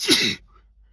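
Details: Sneeze induced with Chhinkni snuff, after taking too much: a single sharp, explosive burst of air and voice ending abruptly.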